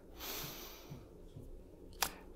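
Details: Man with Tourette syndrome, with motor and vocal tics including sniffing and throat-clearing, whose attempted deep breath fails, likely interrupted by a tic; vocal tic (sniffing/breath interruption).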